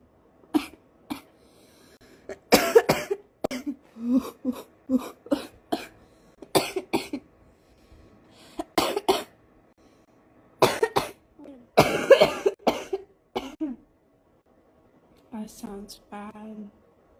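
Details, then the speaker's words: Smoker's morning cough in an adult craving a cigarette: repeated harsh coughs and throat clearing in clusters. "and I'm coughing my lungs are telling me hey you need a cigarette"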